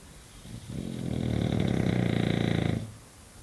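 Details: One long, loud, rattling, pig-like snore lasting about two seconds from a sleeping English bulldog; heavy snoring.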